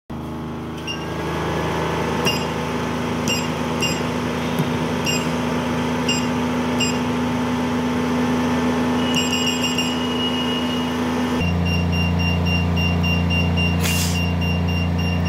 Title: Laser Hair Removal Treatment